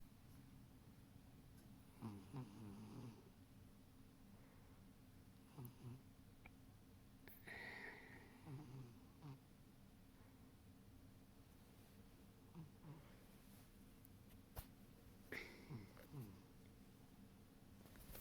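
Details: Sleeping male pet giving soft, irregular snuffling snores with small squeaks while twitching in sleep, in a quiet room; it briefly stirs and is told to go back to sleep; snoring.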